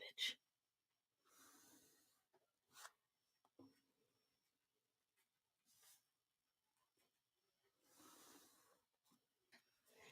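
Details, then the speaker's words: Sleeping, very tired pet cat gives soft, rasping snore breaths about ten a minute, with pen and desk clicks nearby; snoring. "if you guys can hear that snoring i apologize that's my cat he is apparently very tired"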